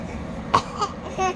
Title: Baby laughing at mom fake coughing